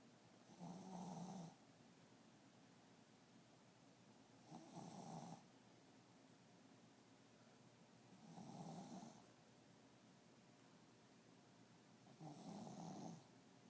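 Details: Dog Winnie snoring in the morning: four gentle snoring breaths about 16 a minute with a soft rattle on each breath; harmless snoring.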